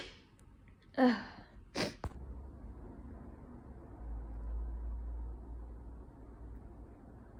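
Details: Winter sneeze, likely from cold weather or indoor heating in someone with slight dust allergy: sharp inhaled gasp, then a burst of breath and a short click; single sneeze in a quiet room.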